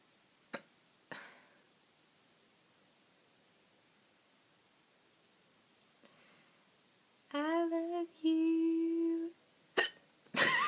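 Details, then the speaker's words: Person with repeated hiccups, the first in over a year, that won't stop: sharp, abrupt hiccups in a quiet room, one breaking into a drawn-out sung "I love you". "all right so I have that hiccups right now and I just wanted to show you this sucks oh my god I had the hiccups in over a year up so it's kind of irritating"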